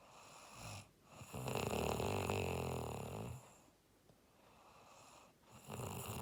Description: When you are tired and the weather is cool, you cannot stop it but snore to the max and then, you’ll be refreshed!